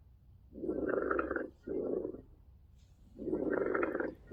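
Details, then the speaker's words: Pleural friction rub from inflamed, roughened visceral pleura sliding against parietal pleura: coarse, grating, low-frequency, discontinuous, non-musical sounds, biphasic on inspiration and expiration, best heard over the axillary area and lung bases. "por último en los sonidos respiratorios tenemos el Rose pleural Este es un son discontinuo de frecuencia baja es chirriante y surge cuando hay una inflamación y aspereza de la pleura visceral en su deslizamiento contra la pleura parietal es un sonido no musical"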